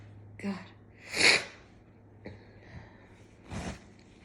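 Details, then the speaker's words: Cat-allergy sneezing fit induced with a cat whisker to unclog the nose: several sneezes in a quick run with sharp bursts and sniffs between; cat meowing nearby. "Sometimes I feel like the cats judge me whenever we sneeze. Because they like stare us down."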